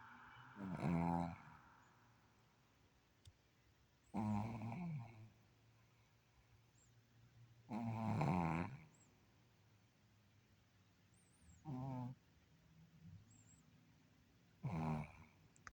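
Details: Snoring in a sleeping dog: rough, low rattling snores, five in about 16 seconds, spaced by quiet pauses, in a small indoor room.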